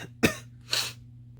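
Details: Simulated, comedic cough from a skit: two short, harsh adult cough bursts, with the cougher insisting it is only allergies, over a steady low hum.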